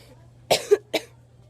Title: Cough cough (6/22/15) Monday day 63